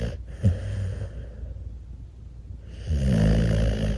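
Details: Sleeping rescue bully-breed puppy: a short snorting breath, a quiet pause, then a loud rumbling snore; puppy snoring.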